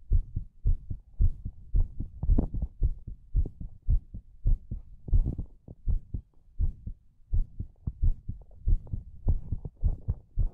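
Fast, steady paired low thumps, about 110 beats a minute, with a faint hum between beats; a heartbeat.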